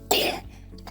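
A single short, harsh cough burst from an infant in an animation, illustrating bronchiolitis cough.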